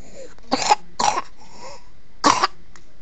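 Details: Baby after surgery: three short, harsh cough bursts, two close together and one after a pause, with quiet breathing between; coughing.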